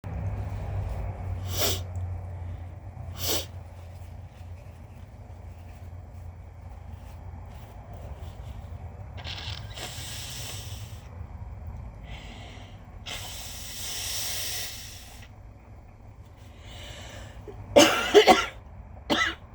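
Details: Allergy sniffling and nose blowing: short sharp sniffs, longer blowing bursts through the nose, and a final cluster of loud explosive bursts; person without asthma, diagnosed with mild lung damage as an infant.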